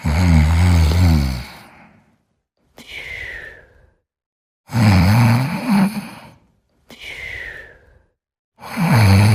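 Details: Sebastian sleeping and snoring. Snoring.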